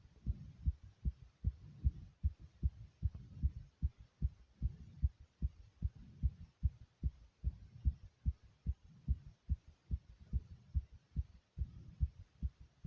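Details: Person's own heartbeat, beating really fast: regular low thumps at about 150 per minute, a rapid heart rate (tachycardia).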